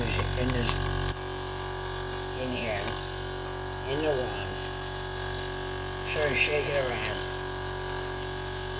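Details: Sunset SU100 portable suction machine used by a head and neck cancer patient with a tracheostomy, dial at maximum power, switched on close to the microphone: steady motor hum and buzz, louder at the start, then quieter running under speech; owner finds it not overly noisy.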